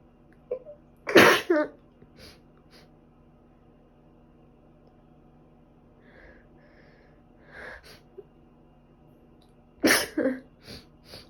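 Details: Runny nose and sneezing that won't stop: two sharp, explosive sneezes with sniffling and quiet breaths between them.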